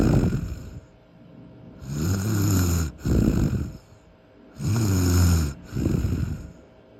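Loud rattling snores on each breath in, with quieter breaths out, about three cycles in seven seconds: ordinary snoring.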